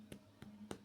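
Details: Dull percussion note heard on tapping, contrasted with the drum-like resonant note over air-filled areas such as the stomach.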